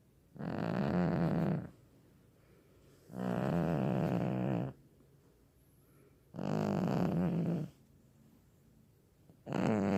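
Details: Sleeping cat dozing through the day: loud, regular rumbling snores about every three seconds, roughly 21 a minute, with quiet pauses; snoring.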